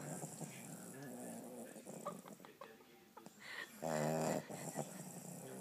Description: 7 week old American bulldog/boxer puppy snoring in bed